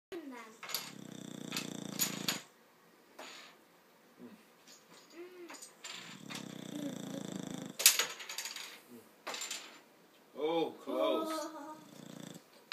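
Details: A sleeping Boxer dog gives long, rattling snores with quiet pauses between breaths.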